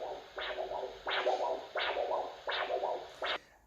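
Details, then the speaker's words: Handheld Doppler at the foot: repeating whooshing arterial pulses, about 85 a minute, each with three distinct sounds, a triphasic Doppler arterial signal given as the example of a triphasic pulse. "so the tried by or mano refers to the number of distinct different sounds that you hear so for example a triphasic oaths would sound like this and"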